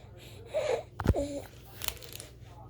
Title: wheezing